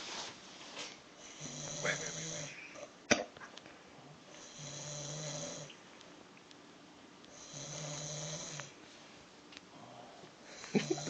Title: Gay Snoring